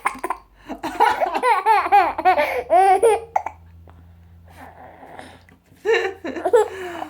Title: Laughing hiccups